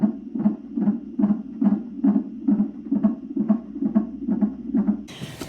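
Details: At a pregnant mother's nonstress test appointment, a fetal Doppler monitor picks up fast, regular whooshing beats at about 136 a minute, ending with a rustle. The baby girl was found perfectly fine: a normal fetal heart rate.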